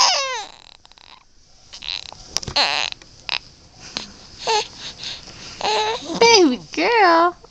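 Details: Baby girl under 2 months old who has hiccups: short, high, wavering cries and whimpers broken by pauses, with a quiet adult voice in a small room; fussing infant cry.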